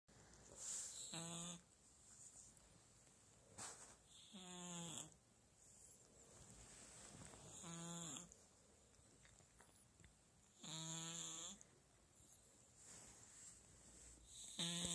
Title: Кот Пушистик спит храпит, а братик его моет Cat Fluffy slipping and snoring and his brother washing